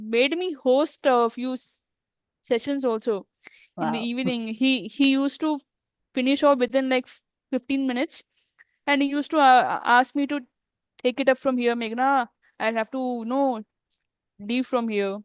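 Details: Adult woman who stammers, speaking in an interview, with word and part-word repetitions; stuttering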